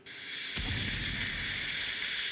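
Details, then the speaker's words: Dental water rinse during a water-laser cavity filling on an 8-year-old at a pediatric dentist: acid etch left on a few seconds, then rinsed off; steady loud hiss of water spray with a low gurgle. "so we leave the etch on just for a few seconds and then we go ahead and rinse"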